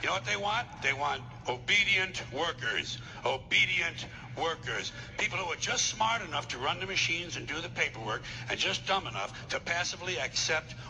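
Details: Adult male speaker; normal speech.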